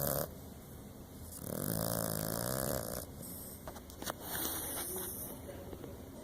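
Snorting, rumbling breathing with a louder vibrating snore amid steady background noise; snoring in a small dog.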